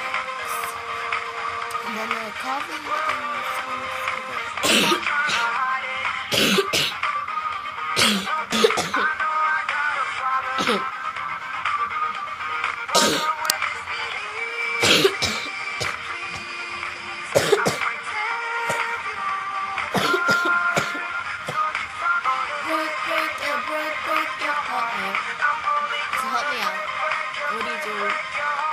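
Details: An adult with a sore throat coughs non-stop in repeated short bursts, with throat clearing, over steady background music: repeated coughing.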